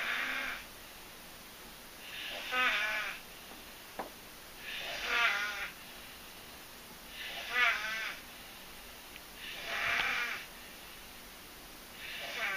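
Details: A mother asleep, making rhythmic rattling snores on each breath, about five in twelve seconds (roughly 25 breaths a minute), with quiet pauses between: snoring.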